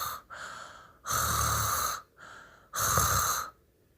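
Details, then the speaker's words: Imitated snoring in a language lesson: two loud, rattling inhaled snores alternating with quieter breathy exhalations. "our lesson today is snoring so let's snore like this"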